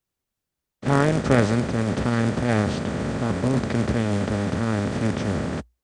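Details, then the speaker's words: Simulated speech as heard with auditory neuropathy spectrum disorder: a read sentence ("Time present and time past...") at severe, then moderate, then milder distortion, then heard clearly in quiet. "Just to give you an idea of uh what individuals with auditory neuropathy spectrum disorder may hear when they're listening to speech."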